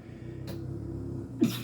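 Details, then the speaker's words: Quiet room hum with a faint breathy puff, then one sudden loud explosive burst near the end: a single adult sneeze, which the speaker attributes to the dogs. "Sorry, the dogs are making me sneeze."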